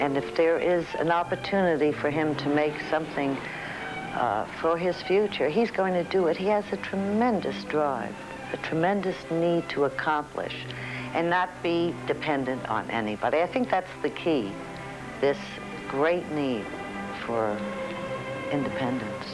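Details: Adult woman speaking; normal speech.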